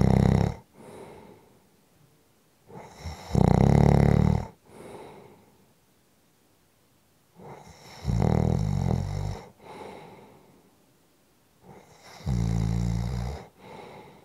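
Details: Snoring: loud, low, rattling snores on each breath in, about four in fourteen seconds, with quieter breaths out between.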